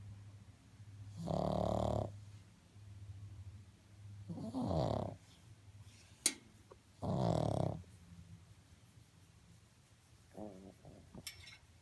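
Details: Pug snoring: loud, rough snores on the in-breath, about three in twelve seconds, with a faint click and quiet breathing between them.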